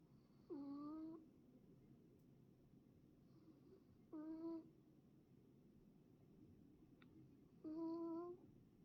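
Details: Sleeping cat makes short, whistling, tonal snores, about 17 per minute, in a quiet room; snoring.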